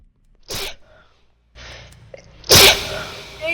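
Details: Two sharp, loud sneezes during gaming, the second louder, each a brief hissing burst over faint game sound; sneezing.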